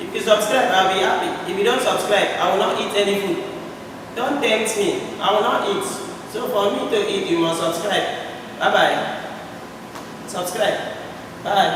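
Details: Adult man speaking; normal speech.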